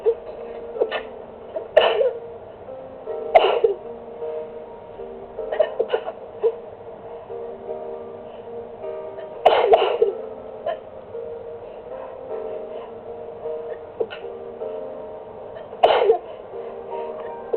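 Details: Repeated sharp sneezes, roughly nine a minute, in a continuing sneezing fit that began suddenly while relaxing; recorded on a phone over steady background music.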